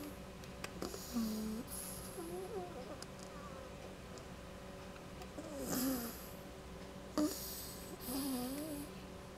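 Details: Sleeping female pet dog: soft whistling, squeaky nasal snores with airy snorting breaths, steady room noise behind; snoring.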